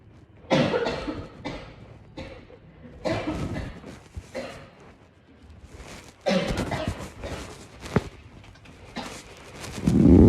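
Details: Bronchitis cough in a girl.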